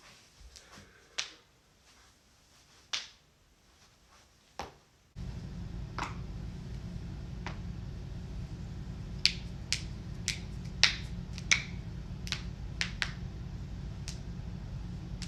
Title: joint cracking compilation